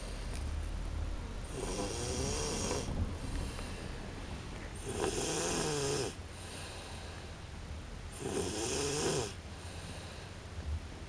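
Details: Three long, rough, rattling snores on inhalation, about every three seconds, with quiet pauses between; ordinary snoring.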